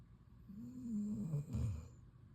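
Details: Female dog asleep on the couch, snoring loudly: low rumbling snort on the in-breath with a faint fluttering rasp, quiet room noise behind; snoring.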